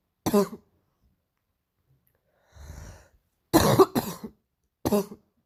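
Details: Painful morning cough: several short, harsh coughs in a quiet room, with a breath drawn in between.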